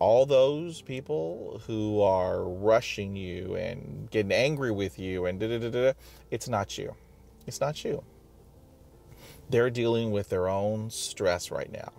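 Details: Adult man who stutters, with blocks and sound and part-word repetitions, speaking in a self-recorded video; stuttering.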